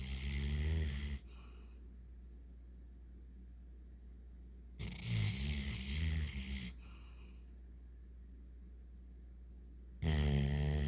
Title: Trigger Snoring